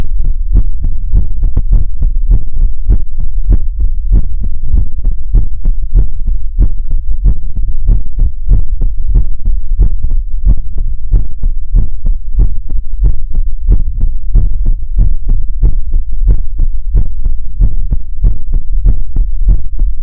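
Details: Heartbeat in an ASMR livestream: rapid, steady, low thumps, loud and close.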